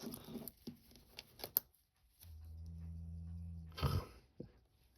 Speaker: I don't know if you can hear that in the background that's my dog snoring